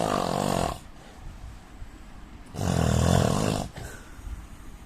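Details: Adult Indian man snoring in sleep: two loud, rough, rattling inhaled snores about two seconds apart with quieter breathing between.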